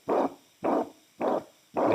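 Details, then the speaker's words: Dog: regular heartbeat at about 105 a minute, each beat a single long whooshing holosystolic murmur filling all of systole. "pero esto es un soplo o sistólico y ocupa todas las historias desde el 2 hasta el loop"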